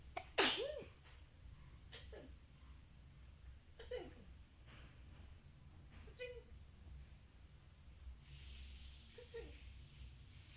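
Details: A baby startled by an aunt's loud sneeze: one sharp sneeze burst, then several brief soft vocal sounds from the baby in a quiet room.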